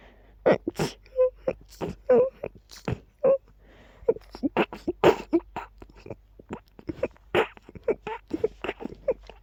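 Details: A rapid run of very quiet, short, breathy sneezes, some with a faint squeak, in an unbelievably quiet and rapid sneezing fit.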